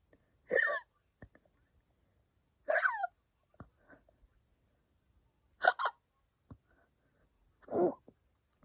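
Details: Hiccups after a week-long cold and a bottle of wine, described as deeper than usual, with harder breathing and feeling full: four short, abrupt vocal catches, irregularly spaced about two seconds apart.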